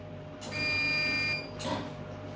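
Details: Hestia-S CO2 fractional laser doing facial resurfacing in a nurse's clinical demonstration on a female patient: quiet room, then a high-pitched electronic tone lasting under a second and a short hissing burst as the laser fires.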